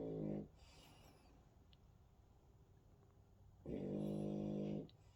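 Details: French bulldog snoring in sleep: two loud, buzzing, rattly snores separated by a quiet gap, typical of a flat-faced dog.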